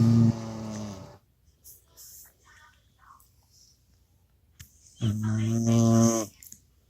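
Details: Pet sleeping soundly and snoring very loudly while the owner tries to wake him: loud, drawn-out buzzing snores separated by a quiet pause.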